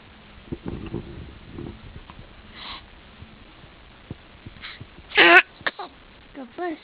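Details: One-month-old baby girl sneezing: soft fussing and sniffles, then a single sharp sneeze burst followed by brief whimpers; ordinary infant sneeze.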